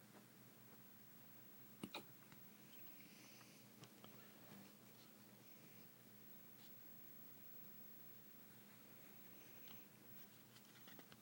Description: The dog has the hiccups. That's it